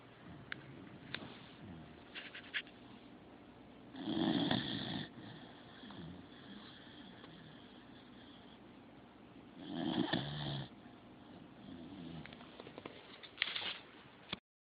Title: Snoring Corgi